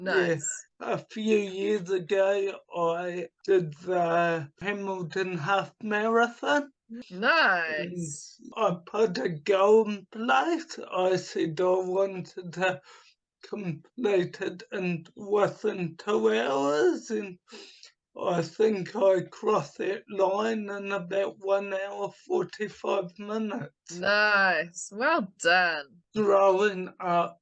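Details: Adult man with cerebral palsy from oxygen starvation at birth affecting his right hand and speech; speech once very slow, now two to three times faster but not back to normal; dysarthria (cerebral palsy).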